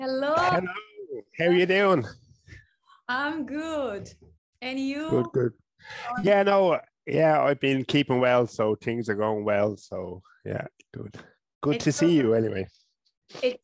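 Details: Adult man from Ireland who stutters, first seen by a speech therapist around age 5 or 6.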